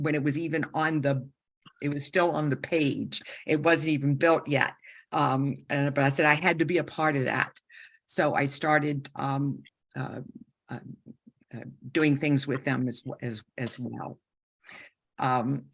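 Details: Woman who had a stroke at age 47 during surgery for an aortic dissection, with right-side loss and significant aphasia; about a year of speech therapy, aphasia symptoms persist; aphasia (mild, residual).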